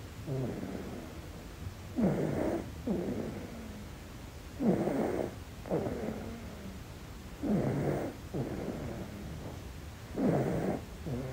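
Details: Rhythmic snoring at about 22 breaths a minute, a soft rasp on each breath with quieter sounds between, in a baby in deep sleep; snoring.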